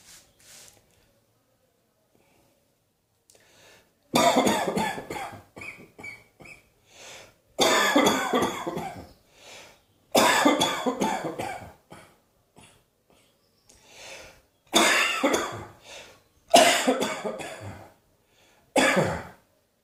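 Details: Cough: an adult coughs repeatedly in loud, harsh bursts, about six main bouts, with quieter coughs and breaths between.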